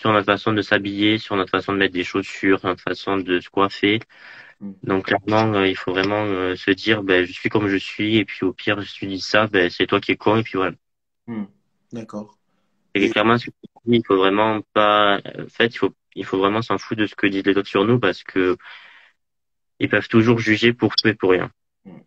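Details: Adult male who stutters, interviewed in French; stuttering.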